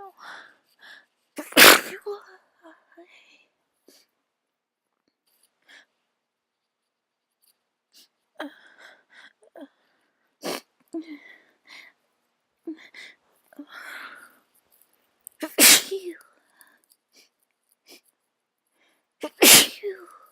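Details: Sneezing with a cold and an itchy nose: four loud explosive sneezes over about twenty seconds, with sniffing and quiet breathing between them.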